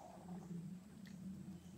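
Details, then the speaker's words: Low, drawn-out rumbling growl from an adult's own stomach; stomach growling (borborygmi). "you hear that that is my stomach"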